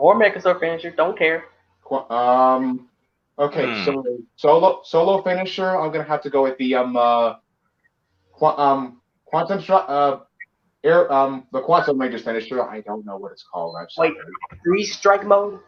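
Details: Male podcast co-host who reports having a bit of a speech impediment, type not specified; speech impediment with disfluent speech.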